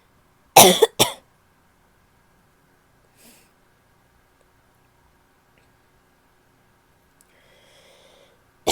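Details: Female with an annoying cough: two sharp, harsh bursts in quick succession, then quiet and a final brief cough; barking cough.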